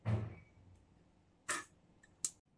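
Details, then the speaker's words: Demonstration of using an asthma/COPD metered-dose inhaler with a spacer: a dull thud as the inhaler is fitted to the spacer, then short hissing puffs as it is pressed once after full exhalation, mouthpiece in mouth. "Special का जो mouth piece है इसको अपने मुंह में डालें पूरा सांस छोड़े उसके बाद इन हेलो को प्रेस करें"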